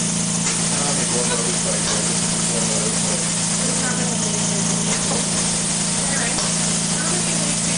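Steady mechanical hum with rhythmic hissing pulses of a prototype low-cost ventilator running.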